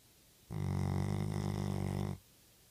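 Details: One long, deep, rumbling snore with a steady buzzing flutter, under two seconds, from a sleeping chocolate Labrador; ordinary snoring.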